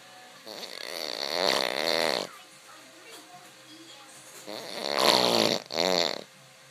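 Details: Snoring: two loud, rattling, buzzy breaths a few seconds apart with a quiet pause between.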